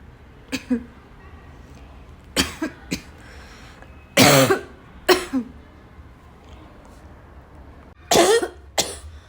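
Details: Afternoon coughing fit in a girl, starting weak and gradually becoming violent: bursts of coughing, some paired, growing stronger over the recording, with low room noise.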